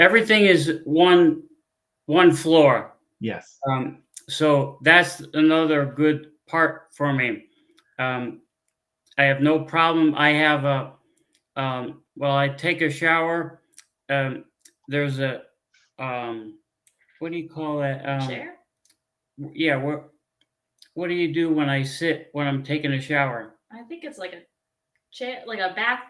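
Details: Adult man with aphasia after a stroke 15 years earlier; he cannot read or write.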